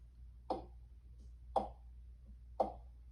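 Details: Normal heart sounds heard at the base of the heart in a teaching demonstration: a slow regular beat near 58 a minute, a softer S1 followed by a louder S2.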